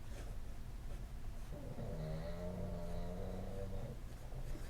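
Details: Snoring heard faintly in the background of a quiet room while someone talks; snoring.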